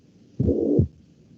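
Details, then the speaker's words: Heart recording of mitral regurgitation (mitral insufficiency) played in a lecture: a single cycle with a low blowing holosystolic murmur lasting through left ventricular contraction and filling the gap between S1 and S2. "aquí hay un vídeo de no sé si se escuchan cómo se escucha un soplo con insuficiencia mitral"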